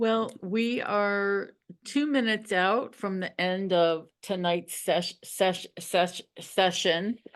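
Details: Adult in a stuttering support session with an audible syllable repetition; stuttering.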